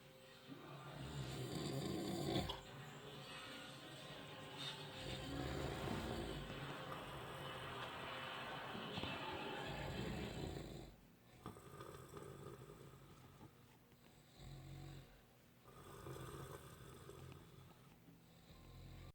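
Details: A father's loud, rough, low rumbling snores in long sustained stretches with brief pauses, scaring an 8-month-old baby; faint background noise; snoring.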